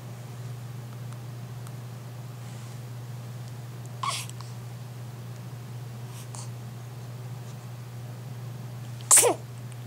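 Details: A single sharp, explosive sneeze after a faint puff, heard over a steady low room hum on waking in the morning.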